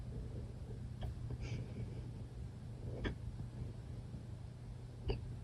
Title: Hiccups!!